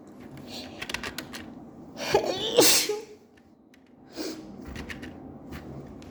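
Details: Sneezing fit blamed on night allergies: two forceful sneezes in close succession, then a third softer burst, amid small room noises.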